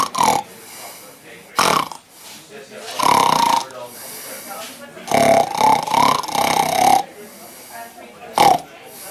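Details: A sleeping man's loud snorting snores, with a whistling, tune-like pitch said to resemble 'Memories' from Cats, over a person talking and laughing that he is dreaming of it.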